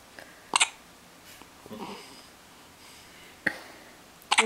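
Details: Infant just home from the hospital, hiccuping: three sharp, abrupt catching sounds a couple of seconds apart in a quiet room.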